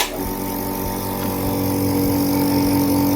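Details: Noren C2 compressor nebulizer for adult and pediatric use, switched on for demonstration: loud steady mechanical hum with rapid regular pulsing, about four a second, running normally.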